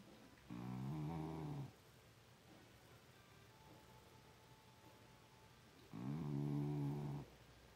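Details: A small pit bull dog snoring: two low, buzzing snores about five seconds apart in a quiet room, about 11 breaths a minute; ordinary snoring.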